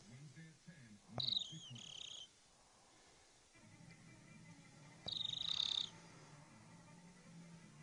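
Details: Mother asleep with a very unusual snore: high, whistling, bird-like squeaks with the breath between quieter breathing noises; whistling snoring.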